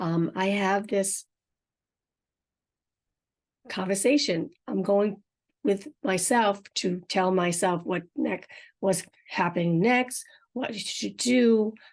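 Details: Woman with aphasia and apraxia of speech after a stroke 4.5 years earlier, unedited podcast speech: aphasia with apraxia of speech.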